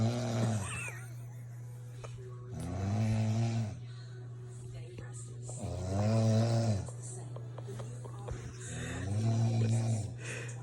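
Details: Adult woman (wife) snoring at 2 a.m., waking husband and cat: loud, low, rattling snores at a steady pace of about 19 per minute over a constant background hum, likened to a scooter; snoring.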